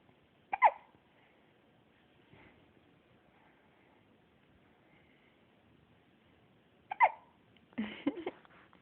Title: hiccups 1